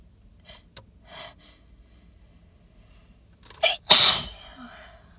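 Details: Sneezing after smelling pollen-laden flowers, recorded in a car; the person suspects allergy or sensitivity. Quick catching inhalations, then a loud, wet, explosive sneeze into cupped hands with a trailing exhale.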